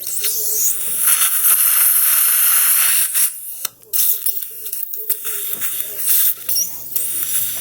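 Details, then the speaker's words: After implant placement at tooth site number 3 and suturing for two-stage healing, the surgical site is rinsed: a steady hissing spray and suction noise with brief gurgling pauses. "Just rinse the surface off really good."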